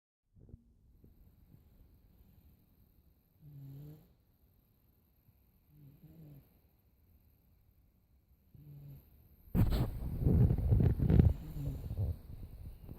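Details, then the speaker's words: 17-month-old boy asleep in a quiet room, with soft, faint snores every few seconds, then louder rustling and handling noise; light snoring. "Sleepy boy. He's gonna snore like Grandpa."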